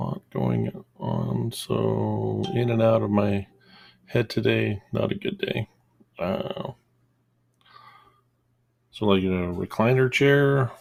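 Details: Adult male with a self-described small stutter that worsens when stressed, upset, angry or embarrassed; he says he trained himself to avoid audible stuttering, so it mostly appears as mid-sentence pauses; stuttering.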